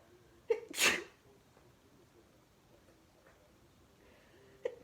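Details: Sneeze caught while watching TV: a sharp intake, then one loud explosive sneeze, followed by quiet with faint small noises.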